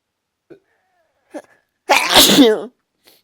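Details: One loud, forceful voiced sneeze after small breath catches, within a strong sneezing run the person says they can't stop.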